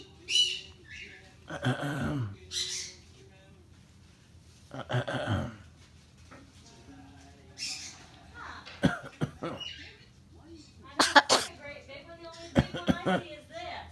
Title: Charley the parrot's (blue & gold macaw) fake cough.